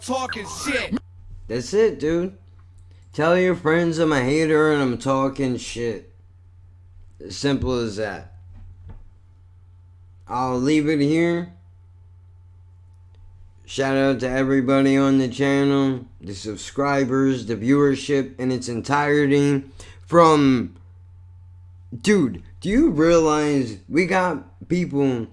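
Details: Adult male with cerebral palsy and multiple sclerosis, who says this neurological disorder affects his speech; dysarthria.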